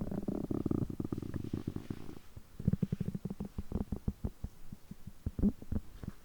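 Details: Stomach growling on a day of overeating, which lasts over three hours: a low gurgling rumble followed by irregular bubbly pops and clicks. Active bowel sounds (borborygmi) during digestion.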